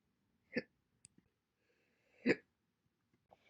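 Two abrupt hiccups about two seconds apart, with faint clicks between them, in a quiet room.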